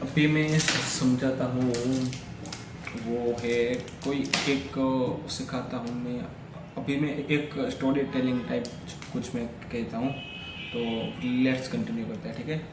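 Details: Stammering in an adult man on day 3 of a daily fluency practice routine, during continuous speaking practice for fluency.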